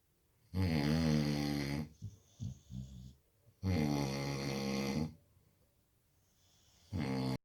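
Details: Dog sleeping beside its owner, snoring like a human: three loud, drawn-out, deep rattling snores with soft breathing noises between them.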